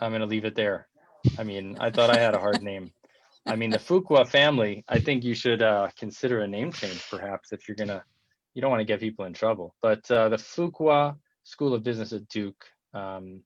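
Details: Adult male speaker; ordinary speech.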